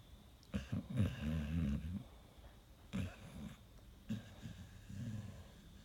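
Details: Sleeping Pit Bull with suspected sleep apnea and restless legs, snoring: low, rough bursts at uneven intervals with quiet gaps, in a quiet room.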